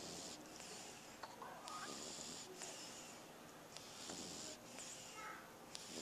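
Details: French Bulldog sleeping, filmed with a Flip Video camcorder: quiet rhythmic snuffling breaths with faint snorts over steady background hiss; snorting.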